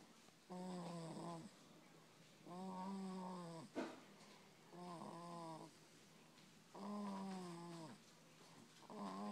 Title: Baby snore